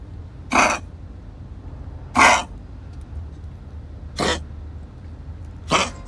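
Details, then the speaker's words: 13-year-old dog coughing for over two months with frequent relapses, lung problem on X-ray: four short, harsh, dry coughs spaced a couple of seconds apart, a chronic cough. "si Chiko ini udah batuk-batuk sekitar 2 bulan lebih dan sering kambuh gitu"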